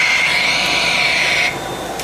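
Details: Steady high-pitched motor whine from a Cough Assist mechanical insufflation-exsufflation machine, used via a tracheostomy cannula, switched on after treatment to expel collected secretions into gauze, then dropping off.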